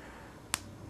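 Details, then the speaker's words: Thumb joint cracking, produced by twisting the thumb: a single sharp crack. "pointer thumb I twist the thumb there's the thumb on the left thumb on the right"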